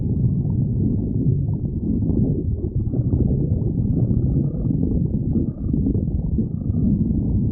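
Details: Stomach growling: continuous low rumbling with gurgles and brief squeaky tones, typical borborygmi.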